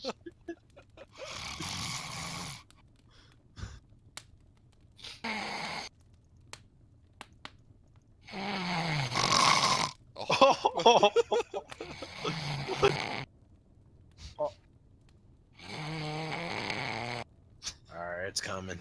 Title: bro falls asleep in discord and gets stronger with each snore